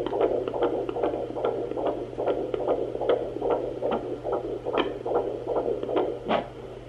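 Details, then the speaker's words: Fetal heartbeat on a Sonoline B fetal Doppler at 15 weeks pregnant, found quickly with the baby midline: rapid whooshing pulses about 146 a minute over steady hum and static, faster than the mother's own heartbeat; a normal fetal heart rate. "so so I found the baby's heartbeat sooner than I expected - honestly that took me like two seconds so that tells me that baby is definitely growing big and strong and that is super exciting"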